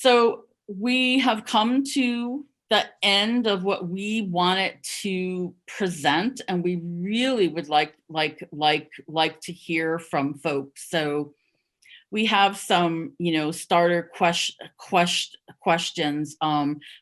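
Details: Adult who stutters and stuttered covertly, hiding it, for over 30 years, speaking at a stuttering association conference; stuttering.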